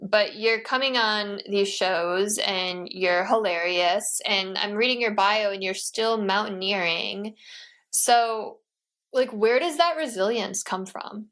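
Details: Adult woman speaking; normal speech.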